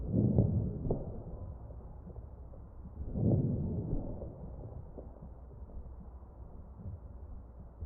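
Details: Crackles heard over the chest of a real mechanically ventilated patient.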